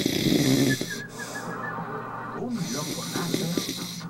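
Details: Snoring from a sleeping man (an uncle): loud, rough, rumbling breathing sounds with room noise and TV audio.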